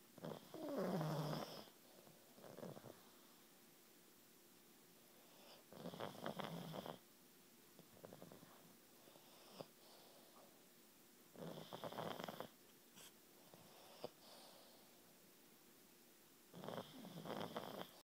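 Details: Rough, rattling snores every few seconds with quiet gaps, from two pug brothers sleeping together; snoring.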